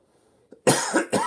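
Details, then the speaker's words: Adult with a lingering dry cough of a couple of months, now improving, gives two short, harsh cough bursts without a wet, rattling quality while talking. "still got a little dry cough go on so I apologize for the coughing don't have a cough button to cut it out"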